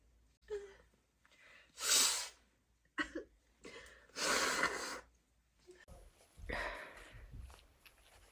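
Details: Female sneezing repeatedly: several sharp, explosive sneezes with in-breaths before them, then nose blowing.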